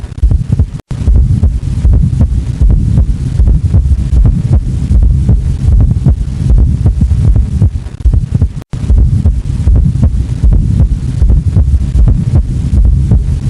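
Dull, regular low heart thumps near 78 per minute, an atrial gallop with an extra sound before the first.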